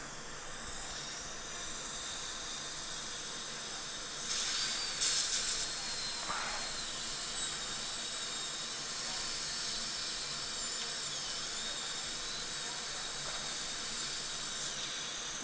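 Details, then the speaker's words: High-speed dental drill at 3.25 power cleaning out old composite filling on a tooth with lingual microleakage and hidden decay: high, thin whine with steady hiss shifting in pitch as it cuts. "And I'm just going to go in here. This is all old composite. Just going to clean that out."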